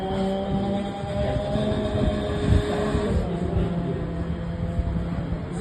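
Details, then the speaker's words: Exhalation through an Acapella vibratory positive expiratory pressure device set at a low-resistance position, demonstrated for muscle tension dysphonia and chronic cough: steady fluttering, motor-like rumble with a faint humming tone. "so if you change this means air pressure is much more required to get out if you do this less so see I am starting from the Les L positions"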